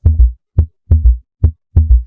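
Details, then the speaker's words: Teaching demonstration of a ventricular (protodiastolic) gallop: low heart sounds in a three-beat rhythm, S3 in early diastole just after S2 following the two normal sounds. "Entonces, cuando nosotros escuchamos los dos ruidos cardíacos y S3 se denomina galope ventricular o protodiastólico, porque S3 se produce en la protodiástole o el inicio de la protodiástole y se escucha de esta manera."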